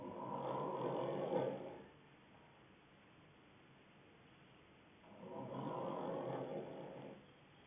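Two long, rough snoring breaths about five seconds apart with quiet pauses between, roughly twelve breaths a minute; typical snoring.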